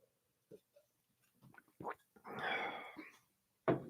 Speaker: Yeah, if you can hear the bird noises, you can probably also hear my stomach growling. I don't eat until five.